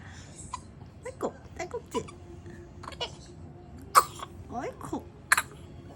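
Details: Young infant, who also chokes on milk, hiccups and sneezes: brief sharp coughing bursts between soft fussy vocal sounds.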